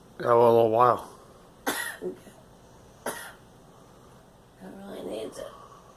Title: Girl coughing